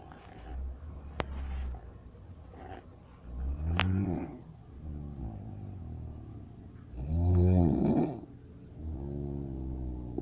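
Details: Ordinary heavy snoring: three loud, low, rumbling snores on each in-breath, with quieter breathing between, about 18 breaths a minute.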